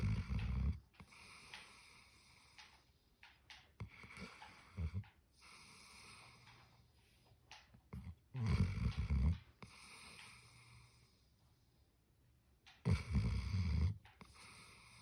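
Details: Greater Swiss Mountain Dog puppy snoring in sleep: low rumbling snores in bursts, some snorting, separated by quieter breathing.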